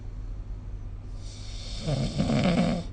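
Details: Low rattling snore building on a single breath in, over a steady low room hum; snoring recorded with the SnoreLab phone app.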